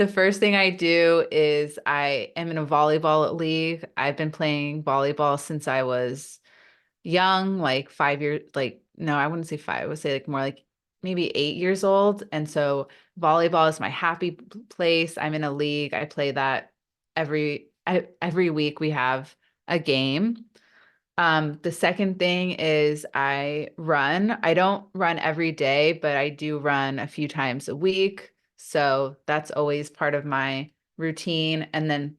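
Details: Adult woman with a stutter that she says is not the typical consonant-repetition form and is often misunderstood; she reports that stress amplifies it; real speech in a podcast interview; stuttering.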